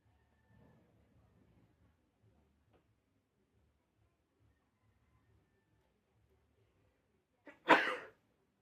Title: Sneezing